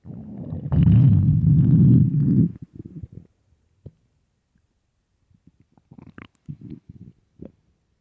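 A long, deep gurgling growl, then scattered softer bubbling gurgles: ordinary stomach growling, as with hunger.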